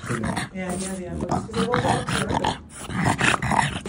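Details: Dog Odin with brachycephalic obstructive airway syndrome: loud, coarse snorting and rumbling breathing noises, stertor.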